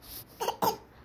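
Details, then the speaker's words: Voluntary cough from a young child asked to cough during pretend doctor play: two brief, soft cough-like bursts. "Öksürüyor musun sen bir öksür bakalım aiz"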